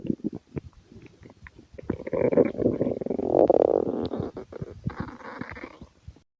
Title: My stomach growling compilation(hungry) #stomachgrowl #stomachgurgles